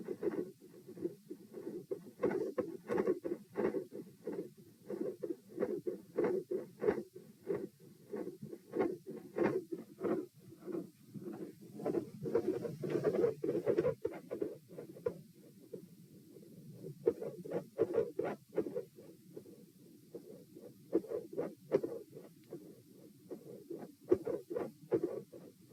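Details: Heart sounds recorded at position P, second test, mostly quiet with intensity increase at the end, rate 90-72-96-90-102 bpm; pronounced respiratory phasic variation of beat spacing persisting despite provoking manoeuvres.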